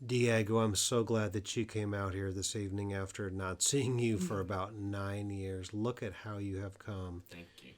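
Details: Adult man speaking; typical speech.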